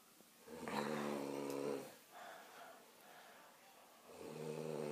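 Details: Loud rattling voiced snoring on breathing in, with a quieter breath out between, two snores in about five seconds; snoring.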